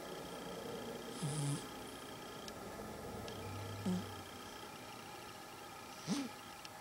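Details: Snoring from a cat sleeping and dreaming.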